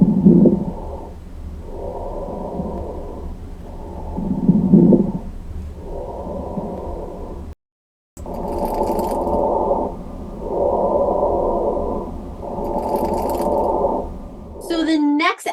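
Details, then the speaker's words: Abnormal lung sounds: coarse crackles first, then fine crackles, from fluid or mucus in the small airways; crackles (coarse then fine). "so that is coarse crackles so now let's give a listen and we can actually hear the coarse crackles first and then the fine crackles"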